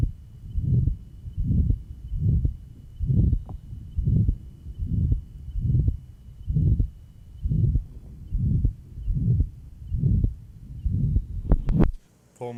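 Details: Johns Hopkins heart sound laboratory recording, 1955, pure pulmonary stenosis, aortic area: regular heartbeat with a rough, drawn-out systolic murmur filling each beat; diastolic "whisp" noted at 3rd left sternal border.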